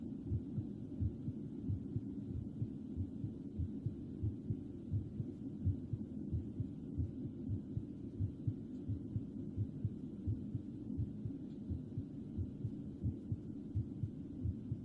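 Steady, muffled low heartbeat thumps at about 87 beats a minute over a soft hum.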